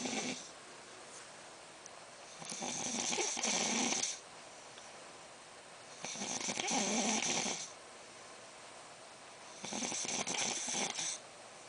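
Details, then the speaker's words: Man sleep-snoring at 3:30 a.m., worse since his nose surgery: harsh, hissing, fluttering snores about every 3.5 seconds, roughly 17 per minute, over steady room hiss. "after his nose job he snores even worse so it's 3:30 in the morning he s sleep snoring"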